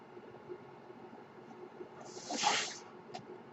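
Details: The speaker's own mechanical ventilator breath cycle in the background: quiet room hum broken by one airy hiss that swells and fades, then a soft click.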